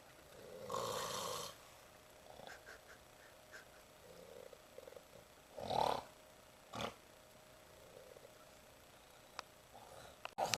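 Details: Snoring from sleeping sibling cats: soft, rough breathing with a few louder snorts and rattling breaths at irregular intervals over a quiet room background.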